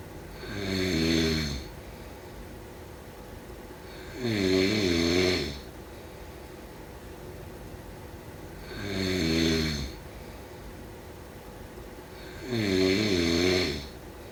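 Loud, rattling snores with each breath in, about 15 breaths a minute, with quiet pauses between.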